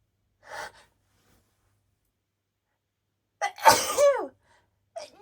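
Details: Person with flower allergy in a quiet room gives a quick sharp inhaled catch, then a loud explosive sneeze with a falling voiced tail and a brief breath after; allergic sneeze.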